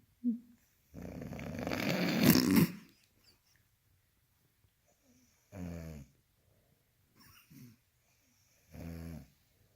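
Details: Snoring during sleep: a long, rough, snorting breath followed by short buzzing snores about every three seconds.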